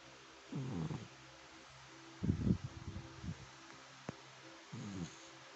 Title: My dog has a cute snore